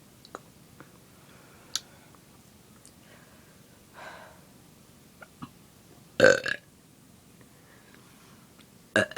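Two loud, rough burps a few seconds apart in a quiet room with faint background sounds.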